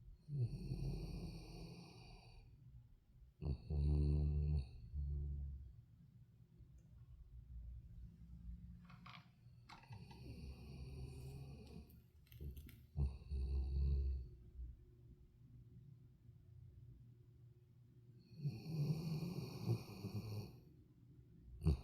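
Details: A Labrador, scared of the wind, finally asleep, snores loudly with rough, fluttering snores on each breath in and quieter breaths out between; ordinary snoring in a sleeping dog.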